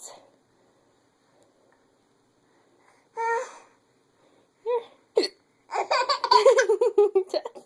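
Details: Young child with hiccups: a few separate sudden hiccup sounds, then a burst of child laughter and babbling.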